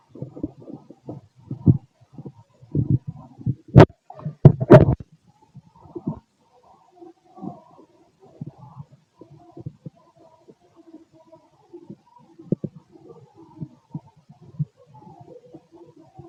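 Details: Adult male abdomen 6 hours after eating: irregular gurgles, squelches and low rumbles, normal digestive bowel sounds (borborygmi).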